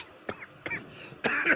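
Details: A woman and a man coughing badly: two short, sharp coughs followed by a longer harsh, rough cough.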